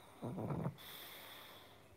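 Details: Pug asleep on a beanbag, wearing a red sweater after a long day: one short, rattling, snort-like snore, then quiet room hiss; snoring.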